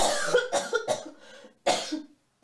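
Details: A run of about five short harsh coughs in quick succession, then a pause and one more, in a German TV report on winter colds; cough.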